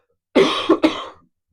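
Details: Two or three quick, harsh cough bursts in close succession from an adult during a live online Q&A, then quiet.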